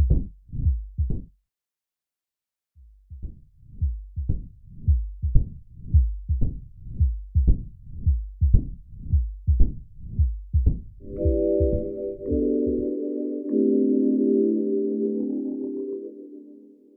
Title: Mitral Stenosis - sound & animation